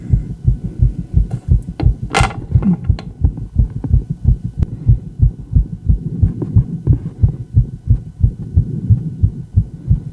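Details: Female, fast heartbeat: loud, regular low thumps in quick lub-dub pairs, close to 88 beats a minute, with brief rubbing noise.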